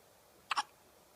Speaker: Oh no, you got hiccups.